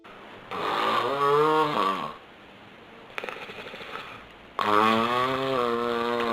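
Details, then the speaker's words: Heavy human snoring: two loud, rattling, tonal snores on breathing in, separated by a quieter breath out. "yep your snoring is putting a damper on things at home and you know it can increase the chance of strokes and heart attacks"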